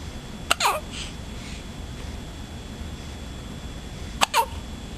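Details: Two sharp, brief hiccups about four seconds apart, each a quick catch with a short voiced tail, over steady room noise; hiccups.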